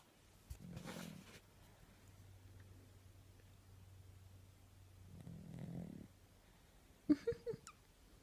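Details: Snoring in a sleeping ragdoll cat: two slow, raspy snoring breaths several seconds apart over a faint steady hum, followed by a few sharp clicks.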